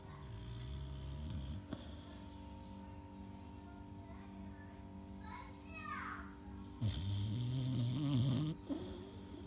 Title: Snoring dog